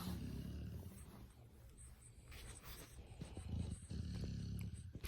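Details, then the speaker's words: Owner's dogs snoring at 5:40 a.m., heard while the owner lies down. "the reason why i came online is because i wanted you to hear my dogs snoring do you hear you hear them"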